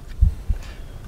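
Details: Student cardiovascular examination: stethoscope at the tricuspid area, fifth intercostal space, patient breath held; a single low lub-dub with no added sound between beats: normal heart sounds.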